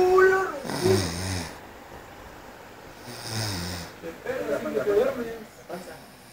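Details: Snoring during sleep while breathing through the mouth: two low rumbling snores over a noisy background with nearby talk.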